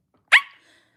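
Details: Girl with Tourette syndrome during a livestream: a sudden, sharp, high-pitched bark-like yelp, brief and isolated, an involuntary vocal tic that she says she cannot control.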